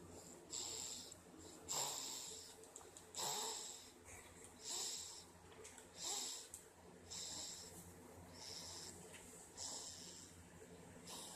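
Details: Person snoring into her arm during sleep: rhythmic hissing, whistly breath noises with a muffled, airy quality rather than a deep rattle.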